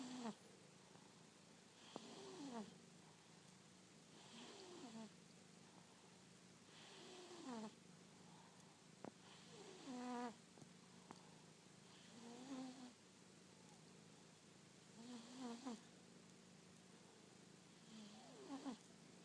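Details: Cat snoring almost as loud as a husband: rhythmic snoring from a sleeping cat with whistling, rattly breaths, about 23 a minute, in a quiet room.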